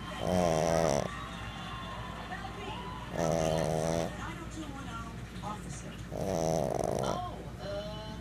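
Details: Pug asleep, snoring loudly: three rattling snores about every three seconds, roughly 20 breaths a minute, with quiet breathing and faint room noise between.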